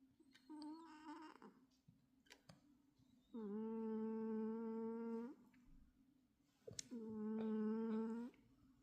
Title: Snoring cat. Volume up!! #jacksongalaxy